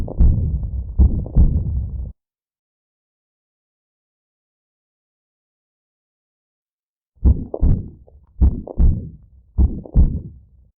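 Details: Severe aortic regurgitation from aortic annular dilation in a breathless patient: a to-and-fro murmur (systolic ejection plus decrescendo diastolic) and a low diastolic Austin Flint rumble, heard with the bell at the 3rd left sternal border.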